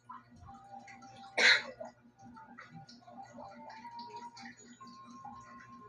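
A single sharp, explosive cough bursts out over soft background music and room noise; a cough with a cold.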